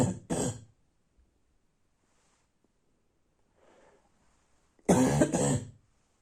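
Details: Barking cough at night: two pairs of harsh, loud, deep coughs separated by a quiet breath, four coughs in all.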